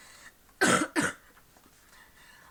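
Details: Persistent post-viral cough.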